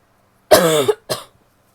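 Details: Woman coughing: two short, voiced coughs in quick succession, the first longer and louder; plain cough.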